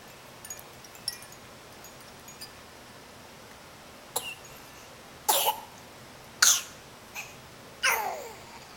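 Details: Four short, light coughs from a baby while playing, with faint tinkling sounds and quiet room noise earlier on: infant cough.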